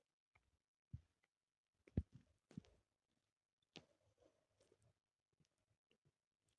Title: my stomach growling (only audio)